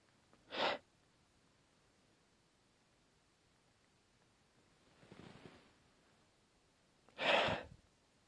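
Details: Repeated sneezing: two sharp, explosive sneezes about seven seconds apart, with a softer breathy in-breath before the second.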